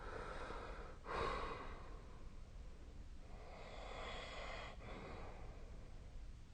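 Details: A sleeping adult, recorded with a snore-tracking app, sneezes in their sleep: one short, muffled sneeze-like burst, then slow, noisy breathing continues.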